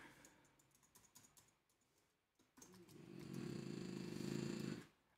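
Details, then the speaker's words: Female dog snoring while asleep during a live coding session: keyboard tapping, then a soft, rattling, low snore lasting about two seconds; harmless dog snoring. "can you hear my dog snoring she's so funny she cracks me up"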